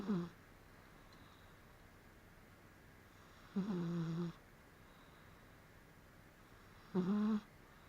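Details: Sleeping cat snoring: three short, buzzy, low snores with quiet gaps, about 18 a minute.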